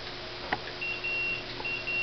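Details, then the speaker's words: Hospira Plum A+ infusion pump distal occlusion alarm during preventive-maintenance test, tubing clamped below pump while running 200 mL/hr, 7.5 mL VTBI: repeated high-pitched electronic beeps as pumping stops. "the alarm sounds stopping pumping letting us know that there's a distal occlusion"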